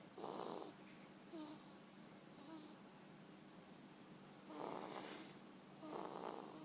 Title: Baby snoring